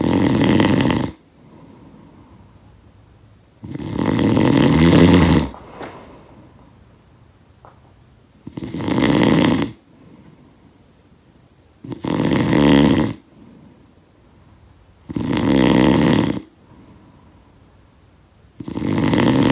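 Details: Snoring sound effect of a sleeper: loud rattling snores on each in-breath roughly every three to four seconds, with quiet out-breaths; ordinary snoring.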